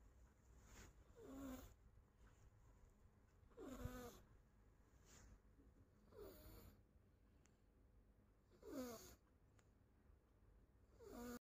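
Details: A deeply sleeping baby snoring: a soft rattling snore on each breath, about 25 breaths a minute.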